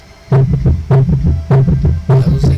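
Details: Summation gallop.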